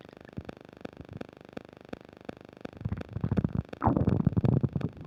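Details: While eating a burger and fish fries with self-described upset digestion, close new microphone picks up faint regular static ticking, then loud gurgling, rumbling stomach noises in the last two seconds; active bowel sounds (borborygmi).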